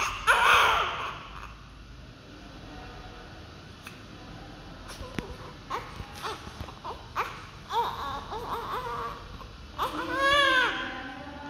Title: all crying loudly 30 s newborn baby healthy and doctor take care it his mother very happy 😊😁